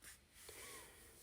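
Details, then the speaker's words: Person with cancer, a lung condition and inhaler use, living with a cat, suddenly wheezing: a quiet breath with a thin, high whistling tone partway through. "I don't know if you can hear me, but all of a sudden I'm like wheezing. It could be because I live with this cat again."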